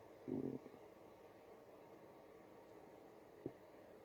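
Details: Brief low gurgling rumble, then a short second gurgle over quiet room noise; stomach growling, ordinary bowel sounds.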